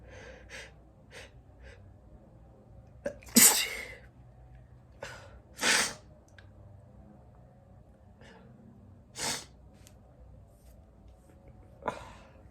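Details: Male sneezing: several sneezes, the loudest a sharp explosive burst, separated by quieter breaths and small sniffs.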